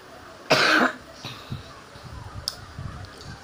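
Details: Baby's mother coughing in the background: a single loud cough, followed by soft infant babbling while the baby plays in front of a mirror, with room noise.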